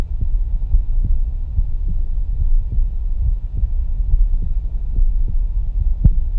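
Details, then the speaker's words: Regular paired lub-dub thumps, about 70 a minute over a low hum, no added sounds, heard by stethoscope during a live demonstration moving over the aortic, pulmonary and tricuspid areas: normal first and second heart sounds. "for me personally there was an audible difference between when we were listening to the AOC at the pulmonary and then we jump down to the tricuspid you could hear the love dub"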